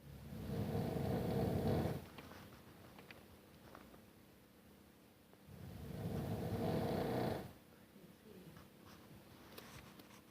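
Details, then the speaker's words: Adult man (husband) snoring loudly in bed at night: two loud, rough, rattling snores on in-breaths about five seconds apart with quiet pauses, about 12 breaths a minute; heavy snoring. "My husband is snoring. He's loud. Wondering how I'm going to sleep tonight."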